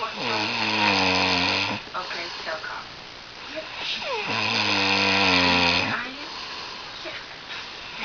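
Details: Two long, loud, rough buzzing snores on in-breaths with quieter out-breaths between, from a sleeping person who keeps the recorder awake again; snoring.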